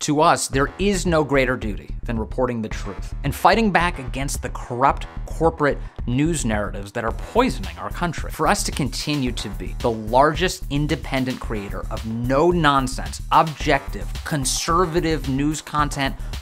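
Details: Adult speaker, narration; Normal fluent speech.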